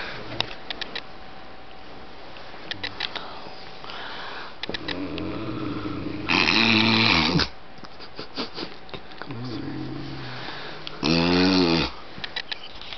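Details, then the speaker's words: Adult man (stepdad) asleep, snoring loudly; two rough, rattling snores a few seconds apart amid quiet room noise and faint whispering. "My dad snores like a man beast e it Man but it Sounds Like an oger we're going to go fuck with him This is him in his natural State"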